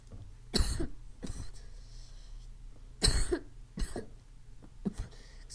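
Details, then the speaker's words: Cough in asthma in an 11-year-old child who says he has asthma, heard while he talks over a game: about five to six short, harsh coughs in a loose bout, some paired. "Excuse me, I have asthma, so you might hear me cough. I got asthma."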